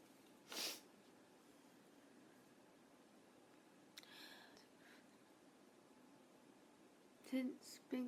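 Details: Sneezes from young Japanese women in a quiet room: a short, sharp burst near the start, a soft breathy sound mid-clip, and two quick sneezes at the end.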